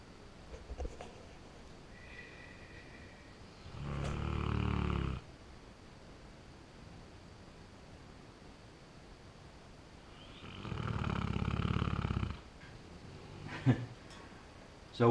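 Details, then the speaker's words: Zeus, a dog passed out asleep in the corner of a quiet room: two long, low, rattling snores about six seconds apart, each lasting one to two seconds. "you'll have to excuse the snoring noise uh zeus is pretty well passed out in the corner there you can hear him snoring"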